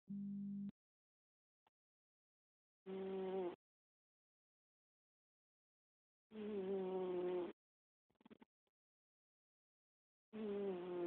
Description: Our cat Lucinda snoring heavily.